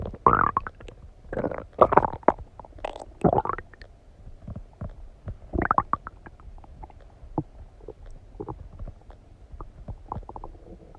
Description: Stomach digesting noises after eating some donuts